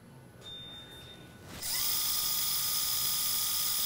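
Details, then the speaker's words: Quiet room, then a high-pitched power drill whining steadily through dense bone at a healing site during percutaneous screw fixation of a non-healed Jones (fifth metatarsal) fracture in a 45-year-old woman; surgical bone drilling. "sometimes there's a tough area to drill through right here because the bone gets really dense where it's tried to heal itself and so uh you kind of almost have to drill through it"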